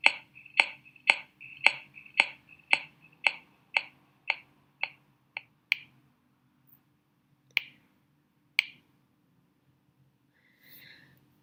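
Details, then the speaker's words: Finger percussion over the lung-liver overlap, lung in front and liver behind: about thirteen short sharp taps, steady then spaced, giving a normal relative dullness (submatidez). "Entonces, esta interposición de normal, esta importación normal del pulmón por delante y de la parte posterior del hígado me genera un sonido que es la submatidez."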